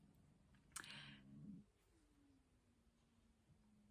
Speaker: hope you didn't hear that that was my tummy how very rude